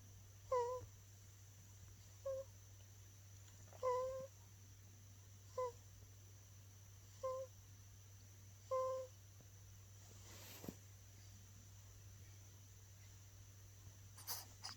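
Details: Sleeping baby snoring, recorded 8/10/2020: six short, squeaky, whistling breath noises about every 1.5 seconds, then quiet, over a steady hum.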